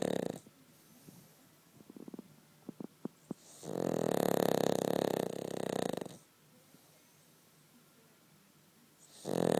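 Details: Cavalier King Charles spaniel sleeping comfortably between owner's legs, snoring: loud drawn-out rattling breaths about two seconds long, separated by quieter pauses with faint clicks.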